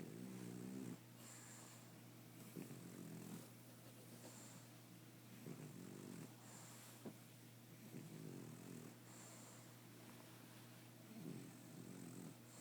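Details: Snoring during nightly sleep on the eve of nose surgery and neutering: soft, regular rattling snores about every two to three seconds, roughly 24 a minute, over a steady low hum.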